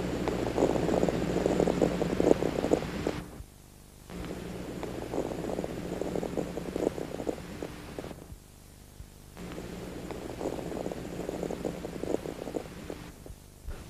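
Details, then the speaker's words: Stethoscope auscultation of a patient taking deep breaths after waking, with fine inspiratory crackles as collapsed alveoli in the lower lobes reopen; these crackles disappear once the alveoli are recruited; atelectatic crackles. "Si uno pide al paciente que respire hondo, va a poder auscultar esos estertores de despegamiento, que no es más que otra cosa que la recuperación de luces alveolares para la hematosis."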